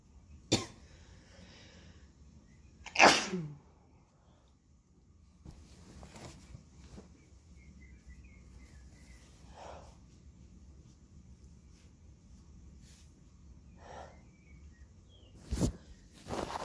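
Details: Person on day 5 of a head cold spreading to the throat: two sharp, explosive sneezes, then quiet breathing and sniffing, then two more sneezes near the end; sneezing.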